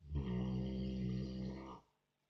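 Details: Sleeping American bulldog snoring loudly, like a human: one long, deep, rumbling snore.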